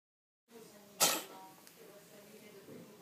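A single quick, sharp sneeze from a cat, with faint room noise around it.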